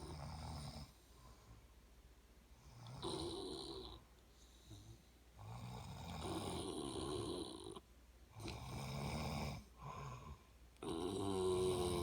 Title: Competitive snoring. Its a real thing.